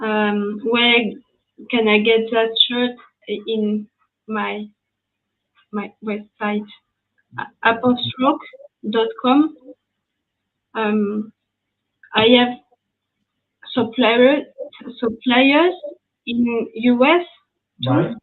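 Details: French woman with lasting language difficulty after an ischemic stroke at age 22 in July 2011, initially mute for 10 days, one year of rehabilitation; post-stroke aphasia.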